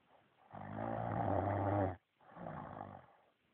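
A long, loud, rattling snore on the in-breath, a short pause, then a second, softer snore: ordinary snoring.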